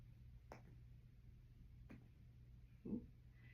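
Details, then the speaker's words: Brief, soft finger-percussion taps giving a short, flat, dull note over the right lower ribs around the 11th and 12th rib during an abdominal exam: dull percussion over the liver. "going to do the same percussion technique that you learned with the respiratory system so I hear a dull sound right here around the 11th and 12th rib"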